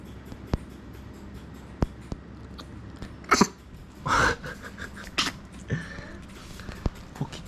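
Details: Dog cough sounding like a baby's cough: several short, sharp cough-like bursts with a hiccup quality (the dog is said to be hiccuping), against quiet room noise with faint clicks.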